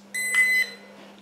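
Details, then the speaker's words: Breath ketone meter start-up beep: a single clear, high half-second electronic beep as the meter switches on, showing all symbols and starting a countdown before the user, fasting over 18 hours, blows into it. "we go coming on showing all the symbols functioning counting down down to the 20 and then when it gets down to the PLO I'm going to trigger this unit by blowing through it and show you the results"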